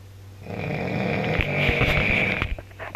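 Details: Backpacker filmed on a mobile phone snoring so badly a companion couldn't sleep: one long, loud, rattling in-breath snore with a harsh buzzing tone over a steady low room hum; snoring.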